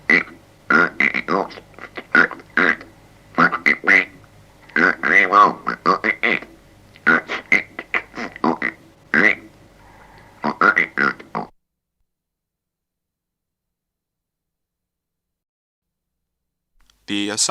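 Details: 1964 demonstration of glossopharyngeal speech, a rarely used substitute speech method without vocal cords, presented after a frog sound for comparison; glossopharyngeal (frog) speech.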